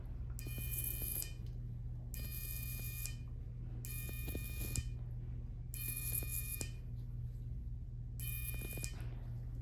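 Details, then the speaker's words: Electrocautery buzzing during office lipoma excision by a dermatologist under tumescent anesthesia: five short high-pitched one-second bursts over room hum, cautery stopping small oozing blood vessels. "You're just gonna hear a little buzzing noise. It's just a cautery that stops little baby blood vessels if they're oozing."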